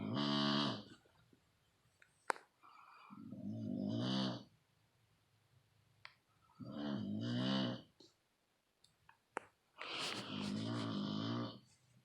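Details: Loud, rumbling snores about 17 a minute with quiet pauses between, in a small quiet room; loud snoring.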